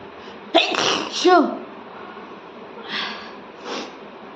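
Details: Person deliberately tickles nose with paper to trigger sneezing: a sharp, voiced sneeze with a brief cry-like tail, then two softer breathy bursts; sneeze.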